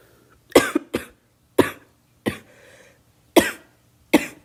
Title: Girl coughing 252